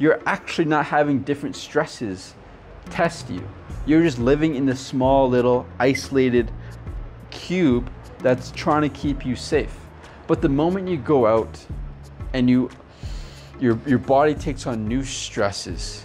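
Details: Adult man who stutters; stuttering.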